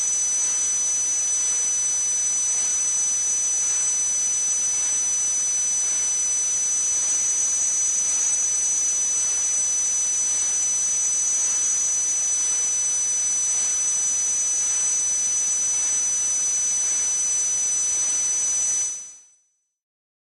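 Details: Sound-effect simulation of tinnitus: a steady high-pitched ringing over a bright hiss, fading out at the end.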